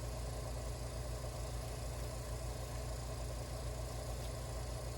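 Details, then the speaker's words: Suction machine switched on to prepare for tracheal (trach) suctioning in a nursing procedure demonstration: a steady, low, pulsing motor hum. "i'm going to have my suctioning tubing ready to go turn on my suctioning machine my water is ready my peroxide is ready"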